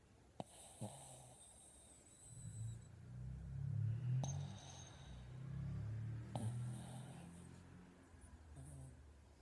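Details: Dog snoring quietly in sleep: soft, low, rumbling snores in slow waves with a few faint clicks.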